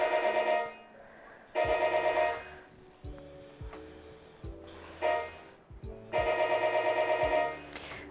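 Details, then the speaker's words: Radiofrequency probe slipped under the skin through an 18-gauge needle puncture, with about 65 °C inside and 42 °C on the surface as targets: bursts of rapid, rippling temperature-feedback beeps showing that tissue below is heating. "so here we go with administering the energy and you can hear these little beeps to give us an indication of How It's heating below"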